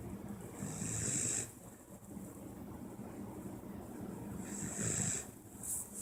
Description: Hey guys I just wanted to show you guys a funny video of my dog snoring and I hope you guys like it